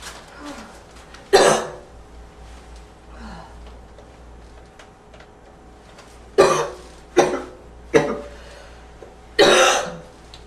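Five harsh, abrupt coughs with quiet breathing between; a barking cough with a slight wheezy edge.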